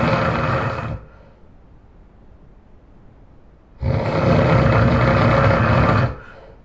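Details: Adult man snoring very loudly during sleep: harsh, rattling snores on the in-breath, each lasting a couple of seconds, with quiet breathing between them; heavy snoring.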